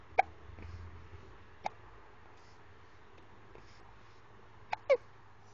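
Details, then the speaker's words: Baby girl who often gets hiccups, seeming tired: four short, sharp hiccups over about five seconds, two close together near the end, in a quiet room; hiccups. "You okay? Oh, you tired already? You got the hiccups, though."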